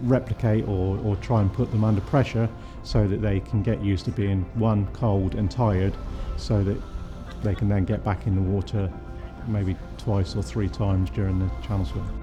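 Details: Adult male speaker; typical speech.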